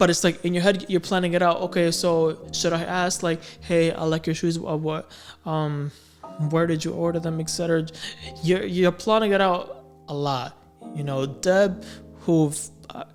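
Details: Male adult with a stammer since about age six or seven; repetitions and fillers in speech; stuttering.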